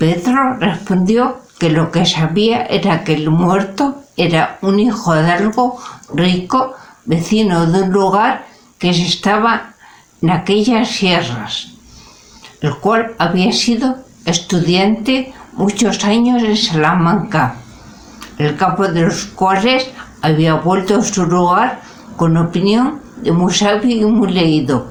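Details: Real adult with aphasia, a member of a Spanish aphasia association, reading a classic Spanish literary text aloud in Spanish in a prerecorded reading; aphasia.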